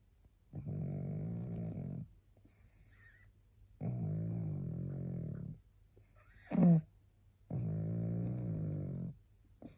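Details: Three long, rumbling snores about every three seconds, with a short snort between, from a sleeping, very tired pug.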